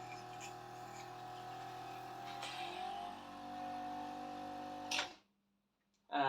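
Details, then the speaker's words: Steady droning suction machine motor with faint rattle for about five seconds, set to 200, catheter passed to the number-eight mark down a child's tracheostomy tube to clear secretions during home nebuliser and chest physio care: suction machine. "So, this is Harrison's suction machine. Um, it goes over to 200. So, I'm going to turn it on now. It will be very noisy."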